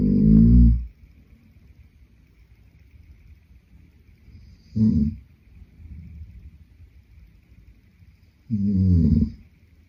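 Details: Adult male sleeping, three loud rough snores on in-breaths separated by quiet pauses of several seconds; ordinary snoring.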